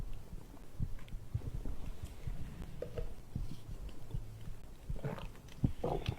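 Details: Abdominal digestion sounds recorded after drinking a beverage: low, continuous rumbling with scattered gurgles and small pops; bowel sounds, stomach growling.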